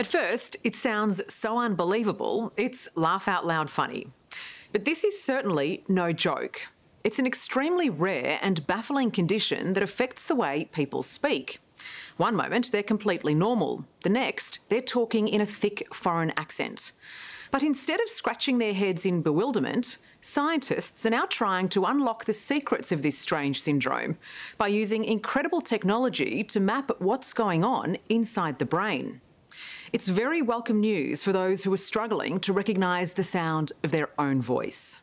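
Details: Adult female narrator; ordinary speech.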